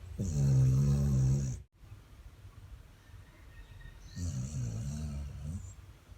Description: Dog snoring like human😆